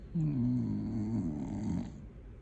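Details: Pet dog snoring very loudly while asleep: a loud, rumbling, drawn-out snore.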